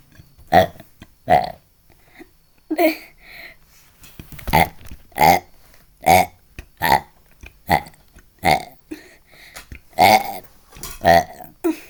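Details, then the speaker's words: A run of about a dozen loud, voiced belches in close succession, each a short croaking burst from the throat; repeated burping. "stop shut up stop burping this"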